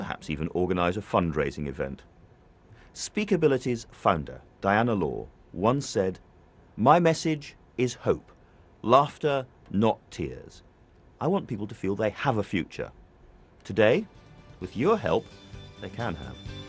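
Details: Adult male presenter; normal speech.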